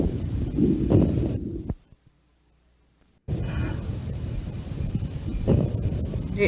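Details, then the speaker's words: Chest auscultation: coarse crackles at the very start of inspiration, usually caused by airway secretions: coarse early inspiratory crackles. "تمام. دي في البداية خالص اهيت، وغالبا اللي بيبقى سببها سكريشن دي بتبقى فورس كريبيتيشن."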